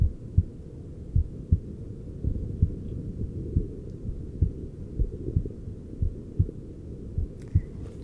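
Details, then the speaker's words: Adult male's heart sounds via a handheld device, relaxing after cosmetic injections; pulse about 50–60 beats per minute; steady, regular lub-dub heart sounds, a normal slow resting rhythm. "so I can feel our beautiful models heart rate starting to go down and it's about 50 to 60 beats per minute"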